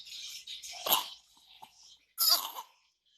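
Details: A few short, breathy coughs from a young child who is sick with a cough, with a pause between bursts.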